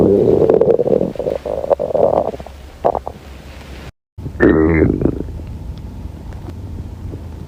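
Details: Hungry girl's stomach growling from hunger: low rumbling and gurgling from the belly, then a brief squeaky growl; borborygmi.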